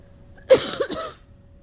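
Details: A single harsh, forceful cough with a short throaty follow-through from a person who has been sick for a while, trying but failing to cough up phlegm.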